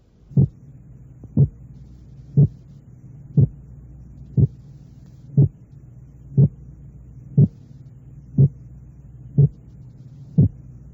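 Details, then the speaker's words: Simulated heart sounds, regular at 60 a minute, each heard as two close components 0.06 seconds apart: a clearly split heart sound. "de máxima importancia en el análisis del segundo ruido cardíaco es determinar la presencia de un desdoblamiento de este ruido así como el efecto que ejerce la respiración sobre dicho desdoblamiento"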